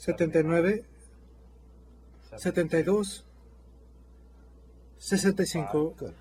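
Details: Adult male speaker; healthy speaker.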